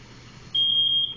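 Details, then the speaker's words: Ventilator apnea alarm: loud steady high-pitched tone over quiet machine noise on a BiPAP Vision non-invasive ventilator during a simulated NIPPV setup demo, apnea induced and backup rate engaging. "Did I turn it off? There we go. I should get an apnea alarm here. Of course, I haven't set my alarms yet."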